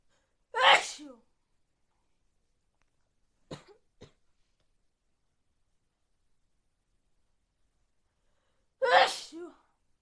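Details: Sneezing with a cold: two loud explosive sneezes, each a sharp burst trailing into a voiced exhale, with soft sounds between them in a quiet room.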